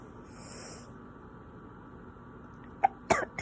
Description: Nighttime sneeze. Bad allergies